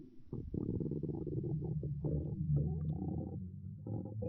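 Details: A girl's stomach growling: a long, low gurgling rumble rising and falling for several seconds from gut movement; borborygmi.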